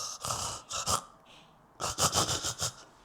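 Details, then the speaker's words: Imitated obstructive sleep apnea pattern as a partner might hear it: snorting breaths, a quiet pause, then a rapid run of gasps and sighs, distinct from simple snoring. "So it's like, does your partner sound like this? >> [panting and sighs]"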